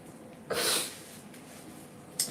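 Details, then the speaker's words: One sharp, wet nasal sniff, then a brief second sniff, from a livestreaming crocheter who is feeling under the weather and congested; sniffling. "Forgive my sniffles, y'all. Like, seriously, I can't stand feeling congested, especially when it stops me from like working straight through"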